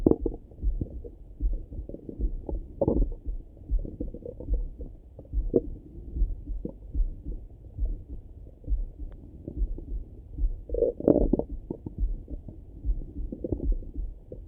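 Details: Own stomach rumbling in the morning heard through a stethoscope: continuous low gurgling and rumbling with louder bubbling bursts, ordinary active bowel sounds (borborygmi).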